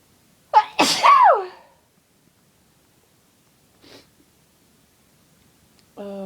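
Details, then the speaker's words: One loud, forceful cold sneeze with a sharp intake and explosive burst, then a faint breath and the start of a voiced sound, from a person with a cold whose sneezes are itchy, big and uncontrollable. "God, some of these just sound so Achoo! Loud and horrible. It's cold sneezes and they are so itchy and so big that I can't stop Achoo! Coming out like that."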